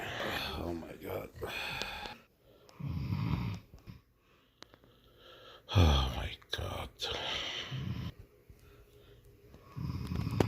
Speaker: Can't fall asleep. Every night the same thing. Snoring away my wife.